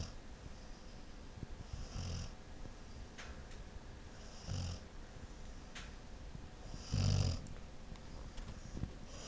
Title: My Snoring PitBull